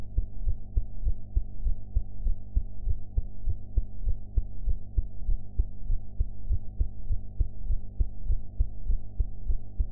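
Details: Own heart sounds recorded after eating ("blue"), audio quality enhanced afterwards: steady, deep thumping heartbeat at about 100 beats a minute with a low background hum.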